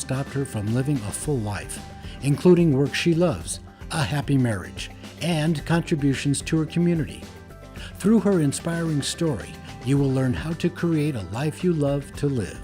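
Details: Adult speaker; typical speech.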